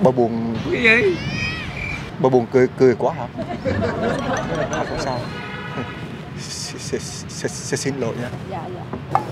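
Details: Acted stuttering by a young man in a prank video, speaking with repetitions: stuttering (acted)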